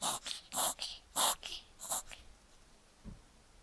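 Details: 14-week-old male Papillon puppy, otherwise normal, on the 6th of 10 doses of doxycycline, gives a rapid run of sharp hissing nasal bursts like snorting sneezes or coughs, then quiets; cough and sneezing with nasal congestion.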